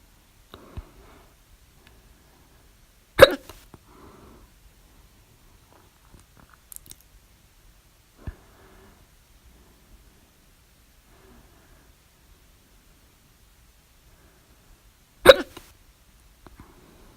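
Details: Hiccups at 3:04 A.M. after overeating at dinner, recorded with mouth alternately closed and open: sharp, abrupt gulping hiccups every few seconds, the very loud ones with mouth open among softer ones; hiccups.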